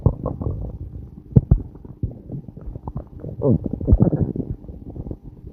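Low gurgling, rumbling and squeaking bursts from the belly: ordinary bowel sounds, stomach growling.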